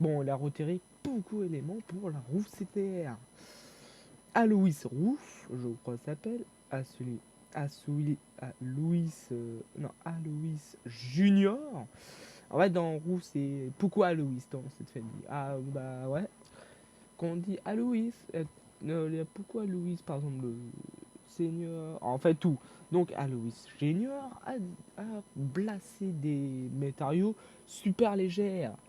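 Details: Young male French speaker who self-reports stuttering and difficulty speaking, with panic or stress from fear of mockery; stuttering.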